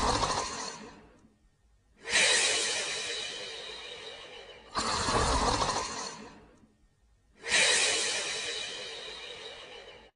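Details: Sleeping adult snoring: loud, rhythmic, hissing breaths with brief pauses, about 22 a minute.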